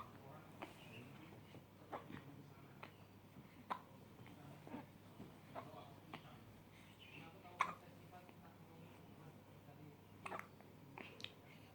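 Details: Hiccups: soft, sharp, irregular hiccup clicks, about ten in twelve seconds, over quiet room noise.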